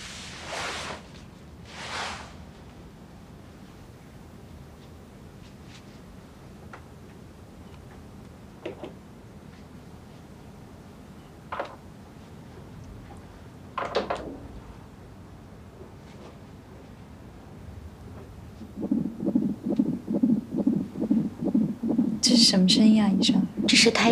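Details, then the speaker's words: Simulated drama scene of an ultrasound test where the fetus is said to be developing very well: a quiet room, then a rapid, regular whooshing fetal heartbeat on Doppler ultrasound. "heartbeat The heartbeat of a fetus The fetus is developing very well"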